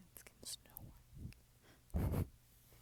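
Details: Sleeping cat: faint breathy sounds, then one louder low, rough snore-like breath near the end in a quiet room. Harmless, peaceful snoring.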